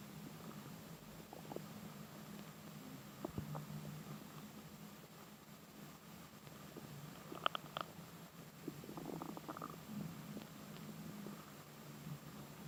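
Soft gurgles and low rumbling over a steady hum with room noise; normal infant bowel sounds, stomach growling.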